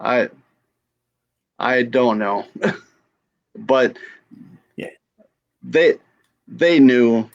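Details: Adult female stroke survivor with aphasia after stroke.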